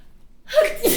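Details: Adult woman sneezing while reading aloud: a quiet stretch, then a quick inward breath followed by a single sharp, voiced burst with hissing air.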